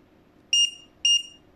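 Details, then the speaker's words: Two short electronic double beeps about half a second apart from a JZK301 fingertip pulse oximeter tested on the reviewer's own finger, SpO2 reading 99%; beeping with each pulse. "tas yang dibawanya itu adalah bunyi detak jantung ya detak jantung ini yang normalnya harusnya kisaran 87-90 dari 80 mereka akan berbunyi seperti ini"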